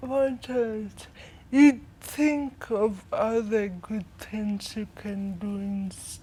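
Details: 25-year-old woman with cerebral palsy from brain damage due to lack of oxygen at birth during her mother's prolonged labour, affecting leg and hand movement, coordination and speech; dysarthria (cerebral palsy).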